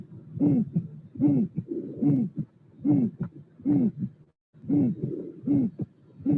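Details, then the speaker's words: Aortic stenosis with a musical murmur: real, unfiltered auscultation with room noise; a regular heartbeat near 74 a minute with a loud, musical, hooting systolic murmur on each beat. "so this is a aortic stenosis with a musical uh [Music] impression"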